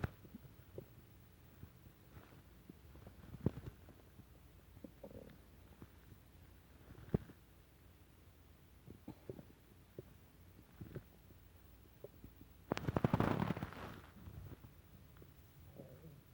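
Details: Low gurgling and bubbling sounds with irregular pops and a louder rumbling gurgle: ordinary stomach rumbling from gas and fluid moving through the gut (borborygmi).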